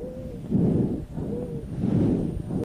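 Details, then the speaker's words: Teaching audio of a wheeze: breath sounds with a clear, high, musical whistling note recurring each breathing cycle, from narrowed airways. "for wheeze think whistle it's a musical sound let's have a listen"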